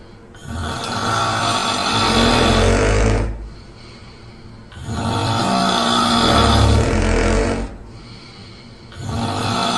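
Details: Simulated recording of a man's and a woman's loud snoring heard together as if sleeping side by side: rough, rattling snores in long bursts with quiet pauses, two to three cycles per ten seconds.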